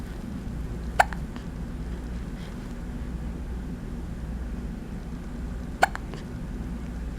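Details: Two brief, sharp hiccups about five seconds apart in a baby, over a steady low rumble of background noise; hiccups.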